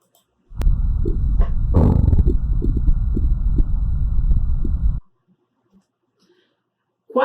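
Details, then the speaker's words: Normal bowel sounds (ruídos hidroaéreos) on abdominal auscultation, low gurgling rumbles from peristalsis moving gas and fluid, of normal tone and occurring at a regular frequency. "são os possíveis alterações dos ruídos hidroaéreos temos o som normal e que ele tem aquela tonalidades frequente e aparece com a certa frequência"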